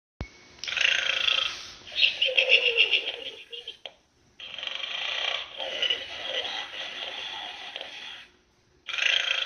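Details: Pig snoring during sleep: long, rough, hissing breaths every few seconds, some with snorting grunts.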